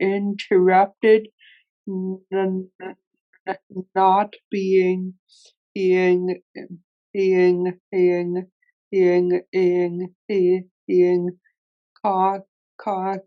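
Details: Real recording of an adult man who stutters, moderating a workplace webinar panel of people who stutter; stuttering.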